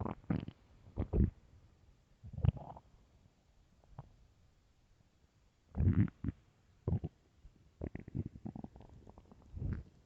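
Low, irregular gurgling and rumbling bursts separated by quiet gaps; ordinary stomach growling on an empty stomach.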